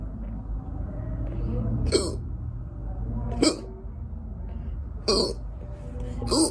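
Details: Gassy hiccups: four short, abrupt hiccups about 1.5 seconds apart over a low steady hum.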